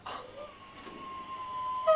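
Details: Adult male professional singing teacher, currently sick with flu, has laryngitis. During a light, gentle scale exercise his vocal cords fail to come together. Voice break from laryngitis.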